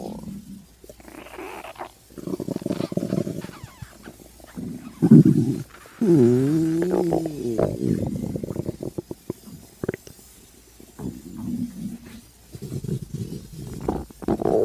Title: Stomach growl